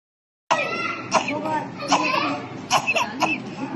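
A child's short, separate coughs, each a single sharp burst, forming a staccato cough typical of chlamydial infection.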